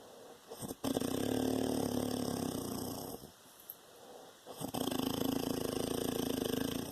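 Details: Father snoring: two long, loud, rattling inhaled snores separated by a quiet pause, with a steady tone in the background.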